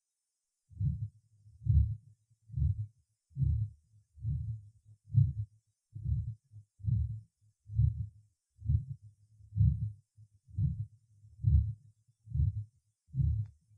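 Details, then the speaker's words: Systolic murmur over the aorta in a patient with atherosclerotic ascending aorta: regular low heartbeat near 67/min with a soft, gentler systolic murmur, usually not conducted to the neck vessels. "представлен другой вариант систолического шума на аорте зарегистрированного у пациента с атеросклеротическим поражением восходящей части аорты"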